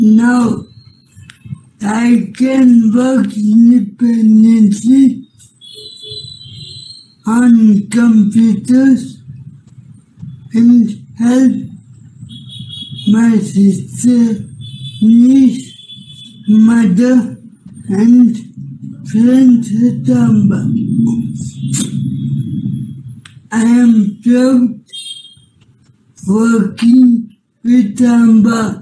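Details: Young adult man with cerebral palsy since childhood; as a child he could not walk or hold things, had poor balance, drooled and spoke very slowly; dysarthria in cerebral palsy.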